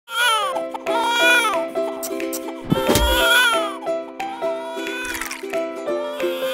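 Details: Simulated infant crying from a mother simulator video game, with repeated wavering wails over steady background music; baby crying for milk and a dirty diaper.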